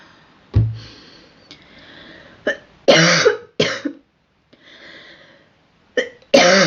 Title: Girl coughing 24